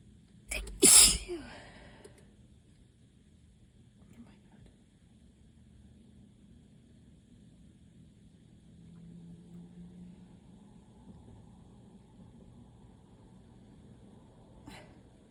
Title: 5/1 - moooore allergy sneezes!